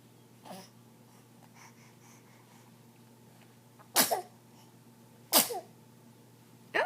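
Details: Female sneezing while sitting on a couch: two sharp, explosive sneezes with a soft breath before them in a quiet room.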